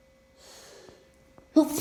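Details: A quiet indrawn breath, then a single sudden loud sneeze through the nose and mouth during a sneezing fit on an unusually warm, rainy day; the weather is suspected as a possible factor.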